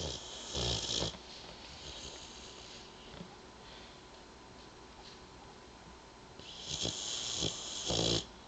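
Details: Boxer dog sleeping comfortably and snoring: hissy, snorting breaths in bursts with quieter breathing between.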